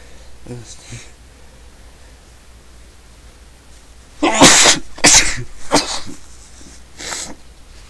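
A rapid run of about four sharp, explosive sneezes following softer breaths in, with a little talk in a small room.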